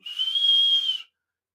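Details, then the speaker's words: Simulated steady high-pitched whistle lasting about one second: the bruit of a narrowed, stenosed dialysis AV fistula or graft, where narrowing can cause clotting of the access. "that meaning the high pitch and when that when that happens that can cause clotting of your access if it closes up"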